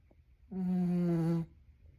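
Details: On a cold day, a single steady, buzzing, almost tonal snore lasting about one second, in a quiet room; snoring.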